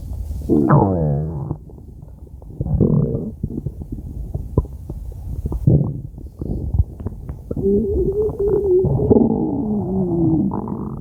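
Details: Stomach growling (borborygmi), normal gut movement: loud, long gurgling and rumbling with squeaky rising and falling tones and bubbling pops, from a five-minute recording.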